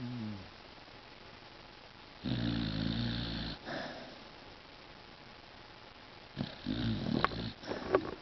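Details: Sleeping Beagle snoring: a loud, rough snoring breath, then quiet breathing and a few snorty, snuffling sounds.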